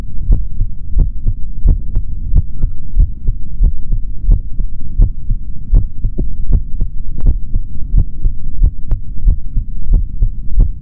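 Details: Normal heart sounds of a male, heard through a stethoscope in an ASMR recording with no talking: steady paired sounds, regular, about 75 beats a minute, over a low rumbling hum.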